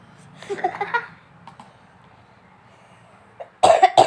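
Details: Person sick with flu, runny nose and cough, eating spicy stir-fried potatoes: a short run of wet coughs, then a quiet stretch and a louder cough burst at the end; cough with a cold.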